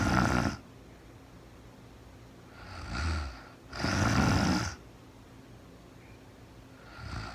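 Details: Real-time recording of a woman asleep at night after being very tired, no talking, described as REM sleep: low, rattling snores on each breath in, separated by quiet breathing, in a quiet room; snoring.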